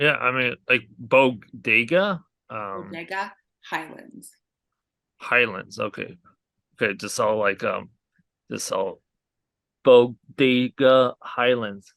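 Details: Aphasia in an adult man after a hemorrhagic stroke from an arteriovenous malformation at age 20.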